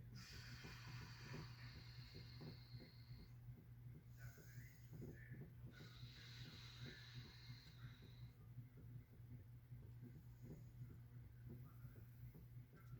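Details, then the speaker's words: Normal lung auscultation on the anterior chest, with the patient breathing in and out through the mouth: no wheezes, no crackles, normal vesicular breath sounds. "muy bien a la auscultación pulmonar pues no encontramos ninguna sibilancia ningún crujido y encontramos que su ruido provinciales normal"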